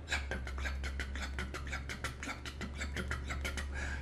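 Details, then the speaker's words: Vocal imitation of an S3 gallop rhythm: a rapid heartbeat with an extra sound right after S2 in early rapid ventricular filling, producing a galloping three-part rhythm, described as signifying left ventricular failure. "like a galloping rhythm that's why it's called the galloping rhythm when you hear a rapid heartbeat with that means you are dealing with a third heart sound which signifies left ventricular failure"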